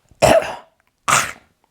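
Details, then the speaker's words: Dog, possibly with tracheal collapse: two harsh, honking goose-honk coughs. "Your dog may be suffering from tracheal collapse."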